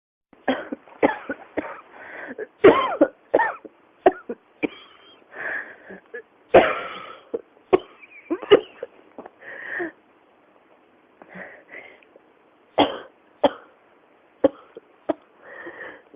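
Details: An adult with a persistent cough that won't stop: repeated coughing bursts throughout, a fit that keeps returning after brief pauses.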